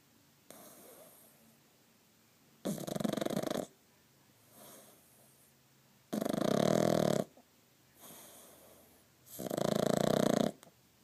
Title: Petey the pug snoring